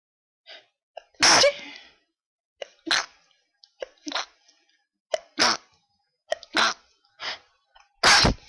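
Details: Requested sneezes with a very tickly nose, described as unable to stop sneezing: a rapid series of about eight sharp, explosive sneezes, some with brief catching breaths before; a sneezing fit.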